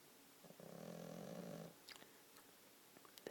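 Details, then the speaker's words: Sleeping female cat snoring, which she regularly does: a single soft buzzing snore over quiet room noise, with a few faint clicks after. "is my pussycat snoring. Bloody hell. Mimi, Mimi, hello. Hello, you snoring? Yeah."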